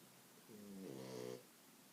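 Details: French bulldog sleeping on owner's legs: a single drawn-out, buzzing, tone-like snore lasting about a second.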